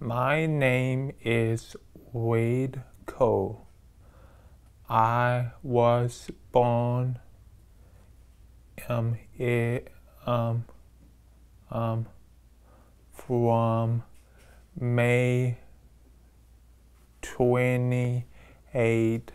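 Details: Adult man with aphasia receiving intensive individualized speech-language therapy, introducing himself and attempting to state his birth date; aphasia.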